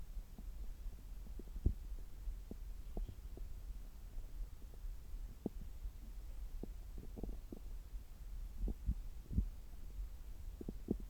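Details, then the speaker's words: Normal active bowel sounds through a stethoscope on the abdomen about 3 hours after a meal: scattered soft clicks and gurgles, frequent and irregular, over a low hum. "今は、食後3時間後ぐらいで、ちょうどお腹がよく動いている時間だと思います。"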